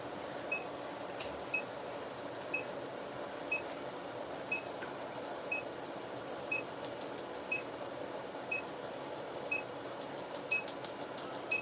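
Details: Harmony ClearLift laser facial (collagen remodeling) on a female patient reporting no pain: sharp high handpiece pulse clicks about once a second with faster bursts near the end; about 500 pulses on forehead and chin, 1500 per cheek, neck also treated.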